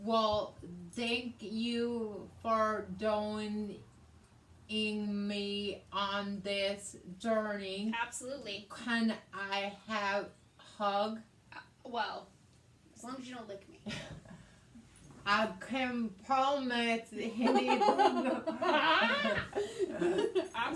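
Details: Adult woman with aphasia after a hemorrhagic stroke in May 2020, treated with brain surgery and ICU care; she also has right-side hemiparesis and reading and writing difficulties; aphasia.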